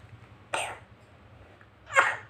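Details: Young child with a cold, runny nose and cough (lagi meriang batuk pilek): two short, loose coughs about a second and a half apart over a steady low hum.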